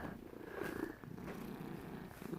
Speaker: why are you snoring so loud I'm sleeping I see your eye open and snoring